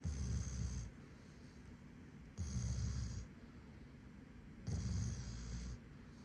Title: Snoring German Shepherd #germanshepherd #puppy #cutedogs #cutepets #funny